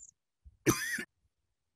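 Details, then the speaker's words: Single short, harsh dry cough with no mucus or sputum rattle, likened to a smoker's cough; example from a COVID-19 cough database talk contrasting wet and dry coughs; non-productive dry cough. "so dry cloth characteristics typically a really good like if you can think of a smoker's call that's typically what the dry coughs actually sound like um and there's no mucus or sputum there's nothing being forced out of the lungs"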